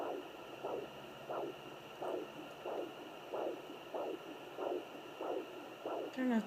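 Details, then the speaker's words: Steady whooshing pulses at about 94 a minute heard with a home fetal Doppler by a pregnant woman, who thinks it is her own heartbeat rather than the baby's. "don't know if that's mine or if that's the baby's. I think that's mine."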